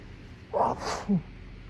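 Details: Adult in a severe allergic sneezing fit triggered by a plume of pollen from a trash lid, with intense tickling, hitching and shuddering: one forceful sneeze with a sharp inhaled catch and explosive release, among many repeated sneezes.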